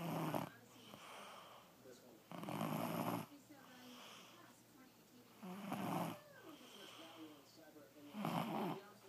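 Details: Loud, harsh snores on the in-breath, about three or four over nine seconds with quieter breathing between, from a sleeping young stepson.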